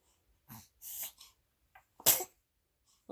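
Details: 6-week-old infant girl: small breathy sounds, then one sharp, high-pitched sneeze in a quiet room; sneezing.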